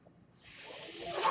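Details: Real recording of a podcaster's own mechanical ventilator, its breath sounds audible in the background while he talks.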